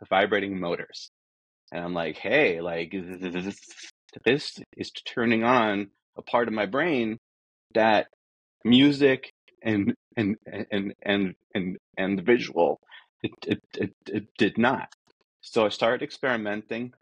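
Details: Adult man who says he is a person who stutters and that this is how he talks, not a recording glitch; this stretch has repeated words; stuttering.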